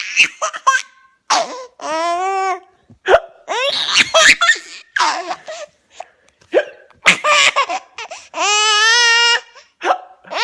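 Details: Young child laughing and giggling with hiccups: short, sharp, catchy hiccup breaths break in between the laughs.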